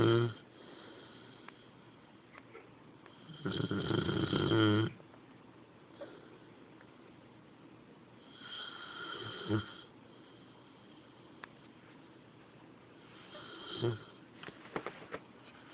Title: My lovely little dog snoring!